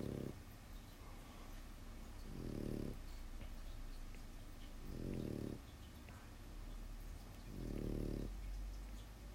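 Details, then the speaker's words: Low, fluttering snores from a sleeping small pet dog, about 22 per minute, heard in the background of a live drawing stream with steady room hum; dog snoring. "Yeah, if you're coming in late, that sound in the background is my dog snoring."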